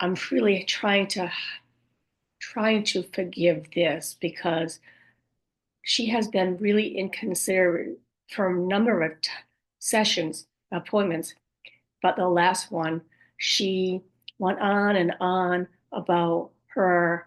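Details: Woman with aphasia and apraxia of speech after a stroke at age 58; she reports speech sometimes hard to understand, repeating words over and over to get them out and sometimes saying wrong words; aphasia with apraxia of speech.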